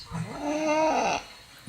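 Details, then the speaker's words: Drawn-out, rough, low breathing noise of a 5-month-old infant snoring in daytime sleep around 11 am; snoring since one month of age, worse at night, intermittent, formerly frequent and now rarer. "Dari umur sebulan sampai sekarang tidurnya ngorok. Ngorok, apalagi kalau malam."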